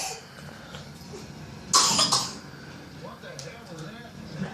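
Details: A child gives a short, forceful burst of about two coughs amid faint room noise, while his twin sister tries to help.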